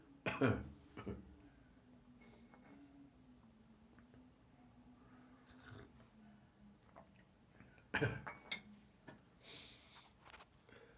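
Two sharp cough bursts with throat clearing and a low droning hum between them in a small room.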